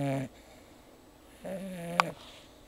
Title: Sheba Sleeping and Snoring